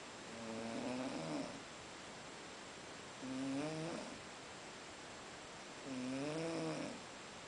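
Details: A pet snoring asleep after a long day at Boiçucanga: three regular snoring breaths with a tonal, purring rasp, about 23 a minute, heard as a cat snoring.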